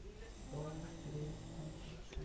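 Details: Snoring: a low, rumbling, vibrating snore sustained through one breath in a quiet room.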